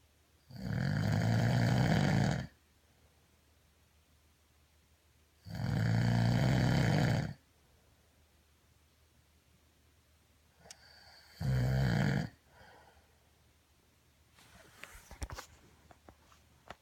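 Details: Loud, low rattling snores on the in-breath, three in about twelve seconds, separated by quiet pauses; a person snoring.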